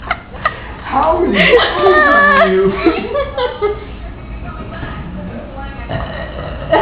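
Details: Two adults compete for the best "trucker burp" after a night out on 6th Street and Whataburger: drawn-out, gravelly belches mixed with laughter and talk, admitted as partly fake/forced; burping.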